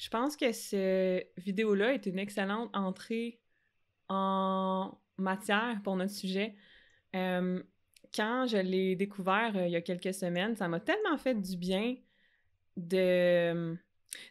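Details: Adult French-speaking woman who stutters, with stuttering that varies by situation; stuttering.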